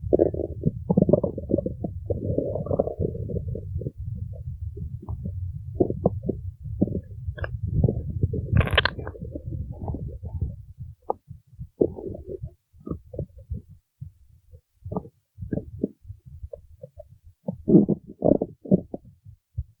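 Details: Stomach growling (borborygmi): long, low gurgling and rumbling from the belly, ending in scattered short gurgles, typical of an empty stomach; the owner suggests she needs to eat.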